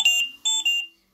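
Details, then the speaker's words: Two high electronic chime tones repeating, an alarm on a Philips Respironics Trilogy ventilator during a setup guide, with leak settings shown before the alarm is reset; ventilator alarm. "so because it's showing me an alarm I can reset that and it will take me back to the same screen to access"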